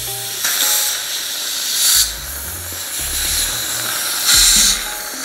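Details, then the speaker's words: Dental visit after teeth cleaning: short bursts of hissing air from a dental air syringe, a few seconds apart, drying the teeth so they can be checked for cavities, over faint background music. "so now that the teeth are all nice and clean i'm gonna use my little air here and i'm going to take a good good look at them and see if they have any cavities"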